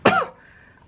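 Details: Single short, sharp cough from a person sick with a cough for about a week since after Lebaran; cough.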